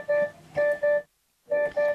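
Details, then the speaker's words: Welch Allyn Connex Spot Monitor in Intervals Profile: two groups of clear electronic warning tones sound as a vital-signs alarm when measurements (blood pressure, pulse rate, SpO2 or temperature) fall outside set high/low priority alarm limits; relevant tile highlighted. "In Intervals Profile, the monitor will alarm when a patient's vital signs measurements fall outside of set alarm limits. There are high and low priority alarms. When an alarm is triggered, the relevant tile is highlighted and a warning tone sounds."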